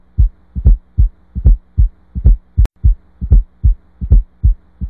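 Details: Regular low heartbeat at about 75 a minute heard through a stethoscope, with a soft extra thud just before the first sound; fourth heart sound (S4).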